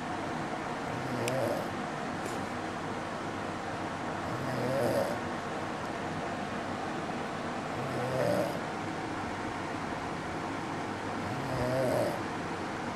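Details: Adult man snoring at home while asleep, though he denies snoring: soft, low, rumbling snores about every 3.5 seconds, about 17 a minute, over a steady background hum.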